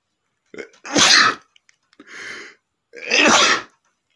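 Two loud explosive sneezes, each preceded by a short sharp inward breath, with a softer breathy sound between them.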